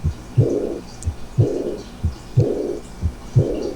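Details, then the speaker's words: Aortic regurgitation, regular heartbeat near 60 a minute: a soft second sound followed by a high-pitched, blowing, decrescendo early diastolic murmur caused solely by blood flowing back from the aorta into the left ventricle. "está dado exclusivamente por el reflujo de sangre de la arteria aorta al ventrículo izquierdo"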